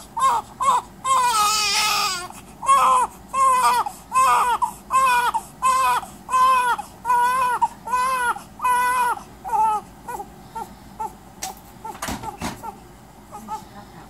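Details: Infant at Women and Infants hospital with stridor and cough: repeated high-pitched, crowing, cry-like sounds.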